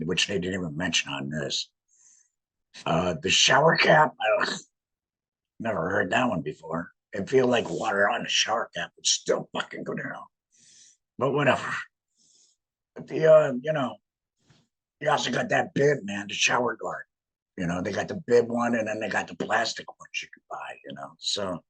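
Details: Male laryngectomee with no larynx speaking through a voice prosthesis in a tracheoesophageal puncture, air directed up through the prosthesis to vibrate muscle; real tracheoesophageal (alaryngeal) speech after laryngectomy.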